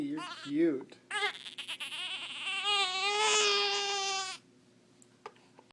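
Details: Infant girl with hiccups, crying angrily: short, rising wails with a fussy, angry tone, then quiet; an ordinary infant cry.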